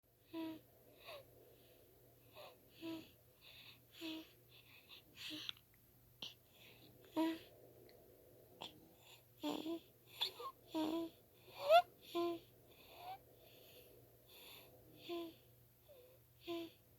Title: Precious Newborn Baby Snoring